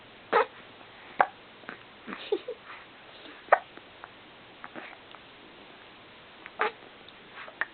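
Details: A baby girl with hiccups: brief sharp catching sounds, about five across eight seconds, with soft breathing noise between them.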